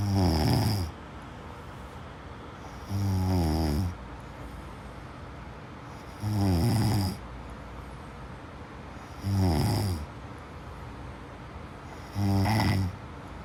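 Five deep, rattling snores, regular at about 20 breaths a minute, with quiet pauses between; snoring during sleep.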